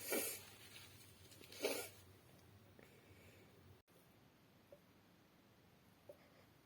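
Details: Female's restrained sneezing: two short, muffled, held-back sneezes about 1.5 seconds apart, then quiet room sound with small faint sniffs.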